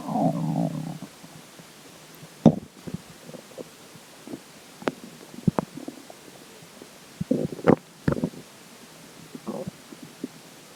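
Irregular soft gurgles and brief pops from the abdomen, with quiet gaps between them; ordinary stomach gurgling, a normal finding.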